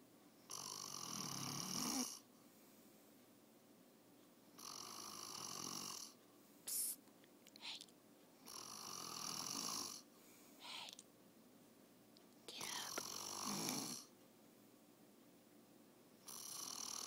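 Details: Father asleep: loud rough snores on each breath in, about 15 a minute, with quiet pauses between; typical sleep snoring.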